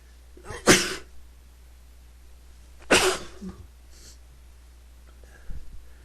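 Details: Male, repeated sneezing he can't stop: two sharp sneezes about two seconds apart, each followed by a soft breath, quieter sound near the end.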